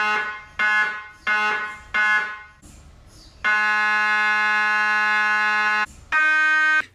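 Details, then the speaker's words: Loud repeated buzzing bursts then a long sustained buzz from an fMRI scanner generating magnetic fields to measure brain blood flow; loud even with ear plugs. "Even with ear plugs, the noises can be quite loud."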